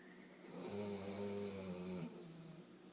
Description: Trey is the loudest sleeping dig I've ever heard!!!